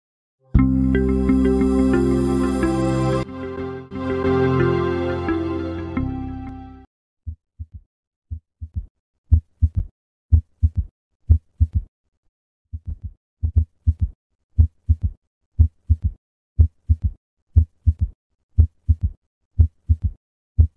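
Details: S3 gallop: brief music, then heart sounds near 60 a minute with an extra soft, low sound after the second sound.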